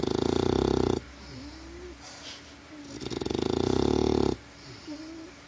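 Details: Sleeping bulldog puppy snoring: loud, buzzing, fluttering snores on each breath in, with soft whistling squeaks between them, suggesting noisy breathing through a narrowed airway.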